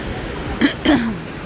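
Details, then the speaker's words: Two short, dry cough bursts from an adult on Clearwater Beach, Florida, over surf and wind; an irritant cough blamed on red tide, which also causes sneezing. "And the smell is making, there's like a cough. It's making you cough and sneeze."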